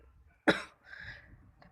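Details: An older sibling with a cough and flu, reluctant to take medicine: one short, sharp cough followed by a breathy exhale in a quiet room.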